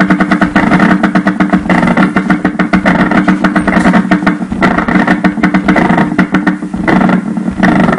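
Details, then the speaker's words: Needle EMG: continuous rumbling bursts of rapid pops like an idling engine; myokymic discharge. "The second wave in the clip, is very similar to a ployphasic MUAP. Although the source are the same but the main difference is that this wave is spontaneous not voluntary"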